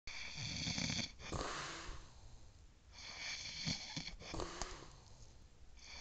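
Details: Rough, rattling breaths with a faint whistling edge, under room noise, from a sleeping adult man (a father); snoring.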